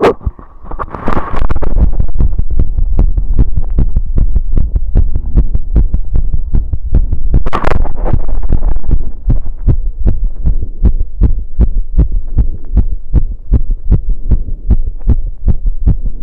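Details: Heartbeat recorded after running: fast, strong, regular low thumps at roughly 150 per minute with some rubbing noise, a quickened heartbeat after exercise.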